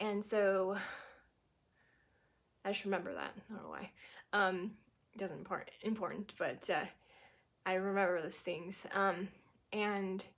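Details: Adult woman who had a stroke at 18, about 25 years ago, and progressed from global to what she believes is anomic aphasia; fluent speech with pauses and word-finding trouble; anomic aphasia.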